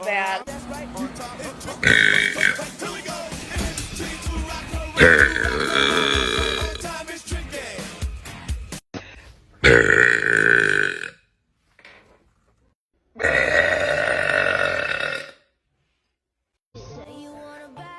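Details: Deliberate belching by a girl: long, loud, drawn-out belches over music, then separate belches with pauses between.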